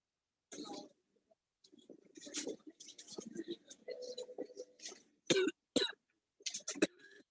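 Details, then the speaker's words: Simulated adult patient, COVID-19 positive, in the emergency room with severe difficulty breathing, in a virtual simulation tool: repeated harsh coughing bursts mixed with strained, labored vocal sounds. "unfortunately came into the emergency room he uh it has tested positive for covet he has very difficulty breathing"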